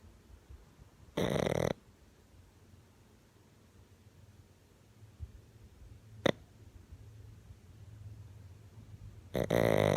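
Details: Pug dog snoring: two loud, rough snoring breaths several seconds apart with a short snort between, over quiet room noise.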